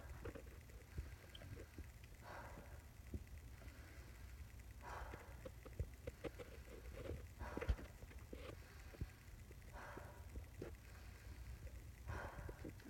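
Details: Normal breath sounds recorded during a head-to-toe physical assessment demonstration.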